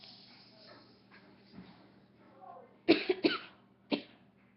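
A quick cluster of three sharp coughs, then a fourth after a short pause, over faint room hum.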